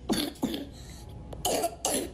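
A child gives a run of about three harsh, loose coughs with a wet, rattly quality: a productive cough of advanced bronchitis, with chest secretions.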